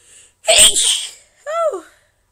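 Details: Morning sneezes, person reports sneezing hurts their throat: a faint in-breath, then one loud explosive sneeze followed by a short voiced sigh.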